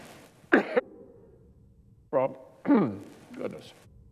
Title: Senator Can't Stop Coughing While Pledging "Our Nation's Commitment To Israel's Security"